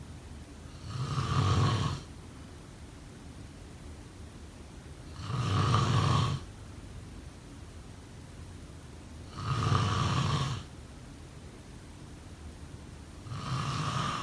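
Deep, rattling snores come in slow, regular cycles, about 14 a minute, with quiet between them. Ordinary snoring during sleep.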